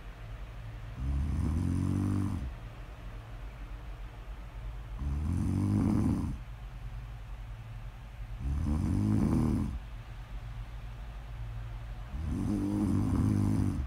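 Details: Snoring recorded for ASMR: four loud, rough, low snoring breaths in about 14 seconds, each followed by a quieter exhale, in a steady sleep rhythm; snoring.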